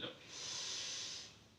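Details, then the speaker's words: One long, slow, hissing breath, in through the nose and out through the mouth, from a male patient with hands on chest and belly during a deep-breathing step before effective coughing. "Bapak nanti Tarik nafas lewat hidung Ya terus keluarkan lewat mulut ya"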